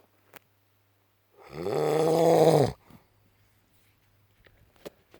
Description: His snoring is so loud. I can't sleep because of his snoring.